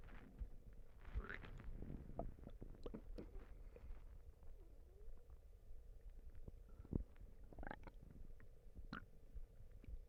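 Low gurgling and rumbling with scattered squelches and brief clicks, typical stomach and bowel noises.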